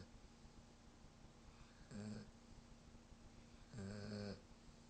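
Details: German shepherd dog snoring: two soft, low, buzzing snores a couple of seconds apart in a quiet room; ordinary snoring, no wheeze.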